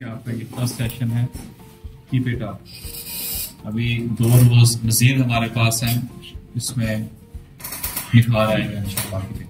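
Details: Adult male speaker; normal speech.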